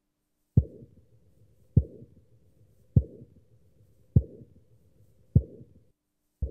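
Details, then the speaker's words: Simulated aortic stenosis ejection systolic murmur made by a circling movement on the back of a hand holding the stethoscope diaphragm: regular thump about 50 a minute, each followed by a rough crescendo-decrescendo murmur. "now we come to the last part of this video where i want to show you the aortic stenosis and here you just have to generate this crescendo decrescendo sound"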